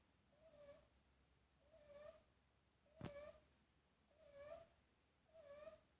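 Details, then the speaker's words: Loud snoring from a person while asleep, recorded from a distance; snoring stops briefly then resumes. "snoring her face off? Yeah. Yeah. You want to come out? Oh, she stopped snoring."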